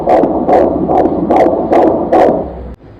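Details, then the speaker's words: Fetal heartbeat on ultrasound Doppler in a pregnant woman who came in worried about reduced fetal movements; male fetus growing well: loud, rapid, rhythmic whooshing beats about 145 a minute, normal heartbeat. "Yurakchamiz yaxshi uryapti oyisi jinsimiz o'g'il bola ekan."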